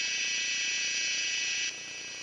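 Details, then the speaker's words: Surgical drill during left knee ACL reconstruction with hamstring graft: continuous high-pitched whine, dropping near the end, as an 8 mm drill bores the femoral tunnel to about 33 mm depth. "this first drill is a not a eight millimeter drill to match our graph and we take this into a depth of about thirty three"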